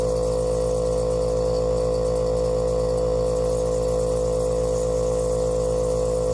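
Steady loud mechanical hum and buzz of a compressor nebulizer running continuously.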